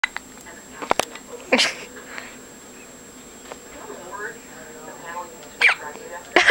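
Several short, sharp catches at irregular intervals, consistent with hiccups, with faint voices and room noise.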